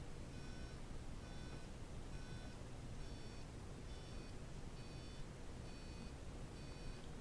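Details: Faint short tone beeps about once a second under loud hiss: bilateral 500 Hz tone bursts stimulating the saccules to improve balance in a patient with Parkinson's disease and cerebellar atrophy during standing balance tests; tone burst vestibular stimulation.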